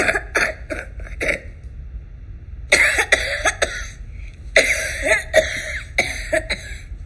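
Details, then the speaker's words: A child's productive wet cough in repeated bouts, rattling with viscous, hard-to-expectorate sputum; judged likely infectious, possibly already bacterial. "мы слышим Кашин тоже ребенка где слышим вязку трудно деляемого мокроту и можно сказать да Это скорее всего инфекционный процесс до бактериальный уже"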